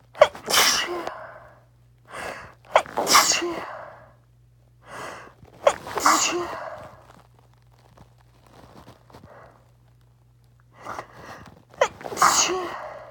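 Five forceful sneezes, each an explosive burst of air with a sharp intake before it, and quiet pauses in between.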